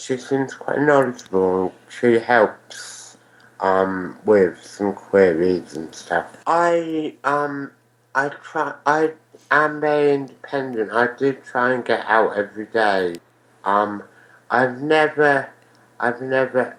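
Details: Male with ataxia affecting balance and speech, which he believes was caused by a cerebellar astrocytoma diagnosed at age 4 and removed at age 5; he also had a brain haemorrhage, meningitis and a stroke at age 4; ataxic dysarthria.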